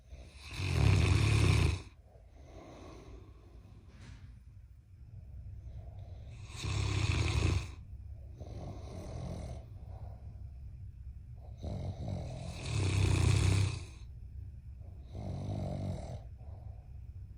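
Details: Loud, deep, rumbling snores recurring every few seconds, with softer snores between, from a giant Mastiff puppy and an adult man sleeping; snoring.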